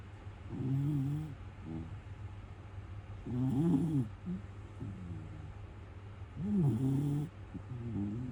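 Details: Male miniature schnauzer dog, born November 2021, snoring while asleep: rhythmic low buzzing snores about 21 a minute, some with a short rattling end.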